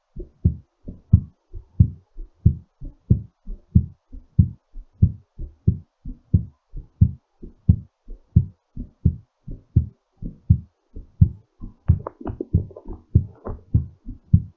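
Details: Fast, steady low thumping heartbeat at about 90 beats a minute, a normal heart rate settling after exercise.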